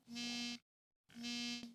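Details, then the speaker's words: Two steady low buzzing pulses, about a third and two thirds of a second long, from an Eversense CGM transmitter worn on the body, vibrating to alert for too-low or too-high blood glucose; a voice starts at the end. "그리고이 트랜스미터의 또 다른 장점은 진동 기능이 있다는 겁니다. 그래서 혈당이 너무 낮거나 높아질 때 휴대폰이 근처에 없어도 몸에서 직접 진동 알림을 받을 수 있습니다."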